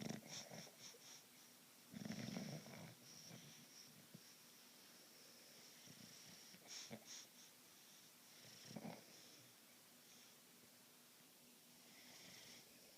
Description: Our Bulldog snoring and taking up our bed.